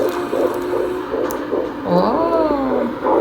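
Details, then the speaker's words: Pregnant woman's fetal heartbeat on Doppler ultrasound: fast whooshing pulses near 150 a minute, interrupted by a brief nasal vocal noise from the mother. "just kept watching it because she was listening to the baby's heartbeat and I just keep hearing from the baby's heart beating that Euless to say my wife is thrilled to hear the baby's heartbeat"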